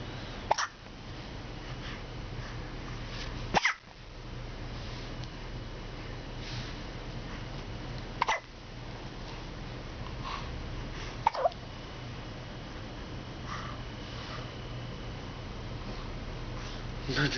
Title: 2011.11.27 hiccups